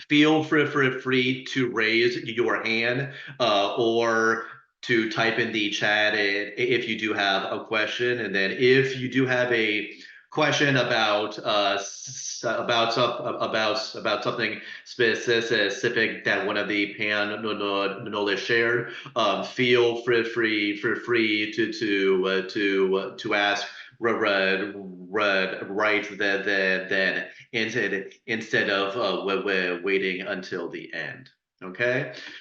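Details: Person who stutters, speaking as a panelist introducing a session on dating and stuttering; repetitions audible; stuttering.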